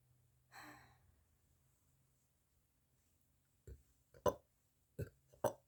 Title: Morning burps !! :3